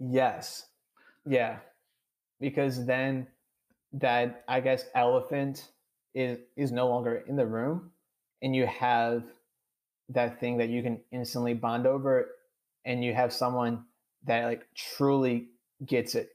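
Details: 26-year-old adult who has stuttered since childhood, had speech therapy twice, reports blocks and syllable repetitions and says he is stuttering during this recording; stuttering.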